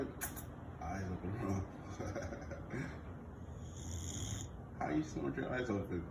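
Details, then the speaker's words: Boxer dog asleep, snoring loudly with low, rattling, snorting breaths and a person's voice over them. Dog snoring. "found the perfect dog. He snores just like me."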